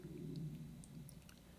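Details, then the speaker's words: An adult man's own stomach growling: a low, muffled rumbling gurgle lasting over a second. Ordinary stomach growling (borborygmi). "I don't know if you can hear my stomach growling or not"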